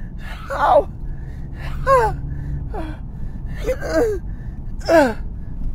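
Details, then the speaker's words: Repeated sharp gasps and strained, falling vocal sounds in bursts, with car noise behind, from an adult with Tourette syndrome having a tic attack while driving to work, followed by neck and back pain; vocal tics. "i have tourettes and today this is uh having a tick attack in the car part two i can feel it coming"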